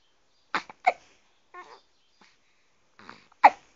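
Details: Hiccups from a 12-day-old newborn: three brief, sharp catching sounds in about four seconds with softer breaths between.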